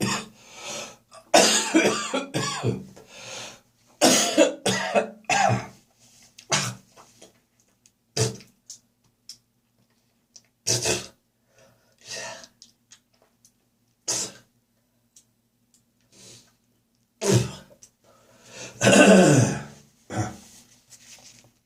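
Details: Heavy morning coughing session: repeated heavy, wet coughing bursts with throat clearing, gagging and spitting over about twenty seconds; productive cough.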